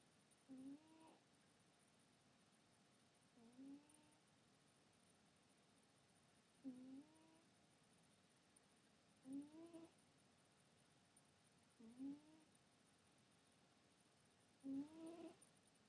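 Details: Cat sleeping, with soft, slightly tonal snoring puffs about every 2 to 3 seconds (roughly 22 a minute) against quiet room hiss; normal sleep snoring.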